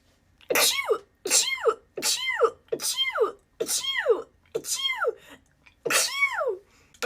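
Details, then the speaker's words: Female sneezing fit: seven voiced sneezes in quick succession, about one per second, each with falling vocal pitch. "I usually see I put perfume on. That's why I was filming. All of a sudden, [snorts] the sneezes came over."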